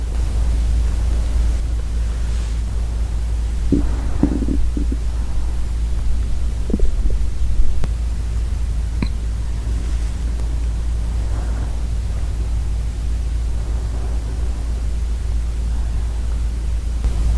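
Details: Borborygmi from a hungry girl's empty stomach: soft low gurgles and rumbles under steady hiss.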